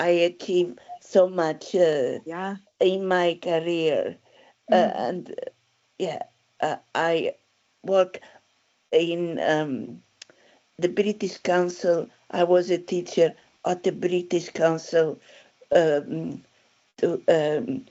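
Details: Aphasia in a woman since a stroke in December 2016, initially unable to speak at all and first misdiagnosed with dementia; she spoke five languages before the stroke; aphasia.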